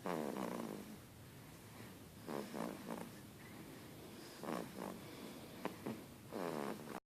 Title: Juju snoring